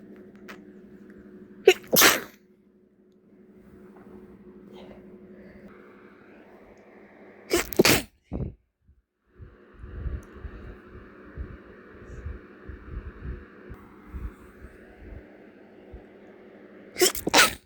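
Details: Stuffy nose, cat allergy suspected: three sharp, brief sneezes over a purr-like hum with quiet snuffling between; sneezing.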